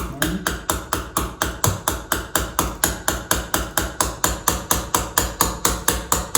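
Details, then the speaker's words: Steady sharp metallic mallet taps, about two per second, driving a suture anchor into bone during a demonstration of keyhole (arthroscopic) rotator cuff tear repair on a model. "so we'll put that back over there and this will slide down through here into the hole and now it's going to use her mallet and hit tap that down all the"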